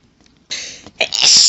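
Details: Woman's sneezing fit while reading a book aloud, sneezes described as intense and violent: a quiet in-breath, then two forceful sneezes in quick succession, the second long and loud.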